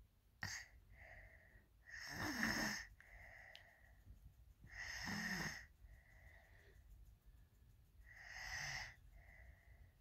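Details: A male asleep in the owner's bed after a long day: slow, rough snoring breaths at about 20 a minute, each with a high whistling, wheeze-like tone; snoring with whistling breath.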